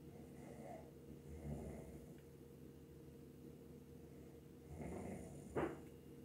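Low, soft snoring breaths with a brief snort near the end, over steady background hum. Snoring.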